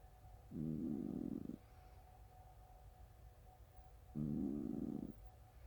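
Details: Two low, buzzing, fluttery snores about three seconds apart from a sleeping cat, with quiet breathing between; sounds like farts; snoring.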